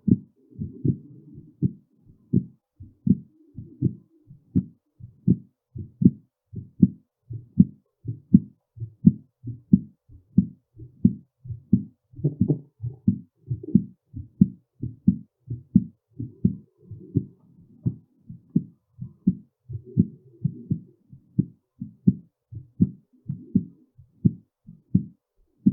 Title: heartbeat sounds during and after physical pressure